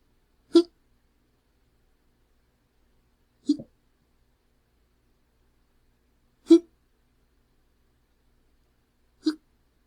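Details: Adult male with hiccups: four short, sharp hiccup sounds at regular intervals of about three seconds, in a quiet room.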